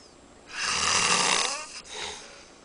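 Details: Adult man sleeping at a friend's house, single long harsh breathy snore on inhalation followed by a softer breath; ordinary snoring.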